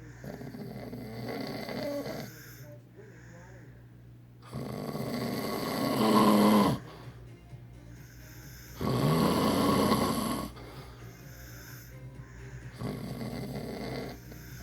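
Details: Loud snoring: long, rumbling snores on each in-breath, about every four seconds, roughly 14 breaths a minute, over faint background music.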